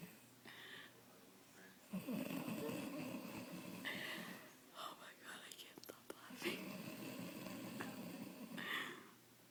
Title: my mom has Worst snoring ever!